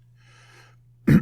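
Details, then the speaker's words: Adult man clearing his throat at the start of a podcast recording: a faint breath, then a single abrupt, gravelly throat-clearing burst. "Yep, that's what we all want to hear. Me clearing my throat. Could have obviously done it before pressing record, but that would be silly, wouldn't it?"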